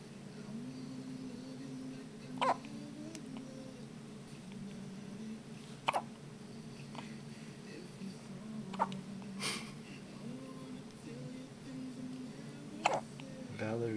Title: [ 1D ] Hiccups 2